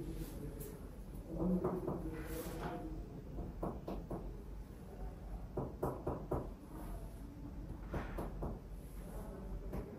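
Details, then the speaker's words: Percussion of the back of an adult man (born 1984) in a respiratory exam: repeated finger taps give hollow, resonant notes, symmetrical on both sides, no dullness; resonant percussion note. "Resonant sounds are present symmetrically through and through. There is no dullness."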